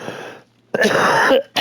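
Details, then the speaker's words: Adult who coughs every morning and night, says a growth has reached the airways and throat, is a non-smoker exposed to neighbours' smoke; rough throat clearing, then a loud, harsh cough burst. "As you can hear me coughing my [ __ ] guts up."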